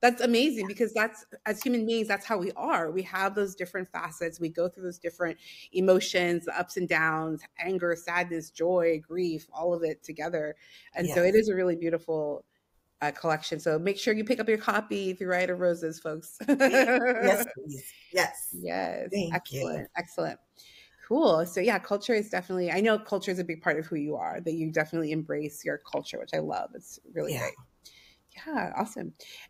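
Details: Adult women in conversation; normal speech.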